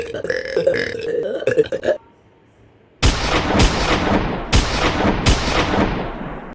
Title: 280 burps for 28 subs